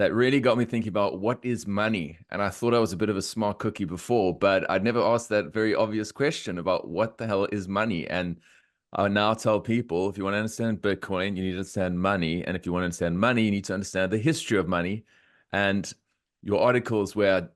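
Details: Adult man speaking; Normal speech.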